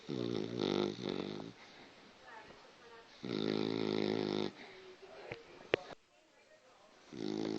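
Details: Cockapoo dog snoring in sleep: rumbling, buzzing snores on each breath with quiet pauses between, with faint music behind; ordinary small-dog snoring.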